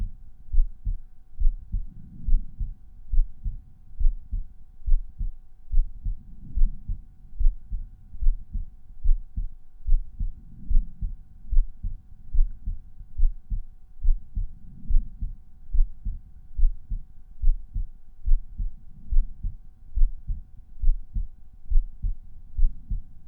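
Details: Resting heartbeat heard at the pulmonary auscultation point: steady, regular rhythm at about 71 a minute, with normal first and second sounds. Normal heart sounds.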